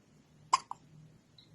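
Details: Baby with strong, recurring hiccups, a single sharp abrupt hiccup with a brief catch after, over quiet room noise; caregiver wonders if too much milk or not enough burping; infant hiccups.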